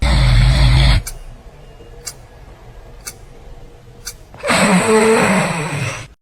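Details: Loud, rough snoring that stops for several seconds of quiet and then resumes; intermittent snoring with pauses, worth a medical check.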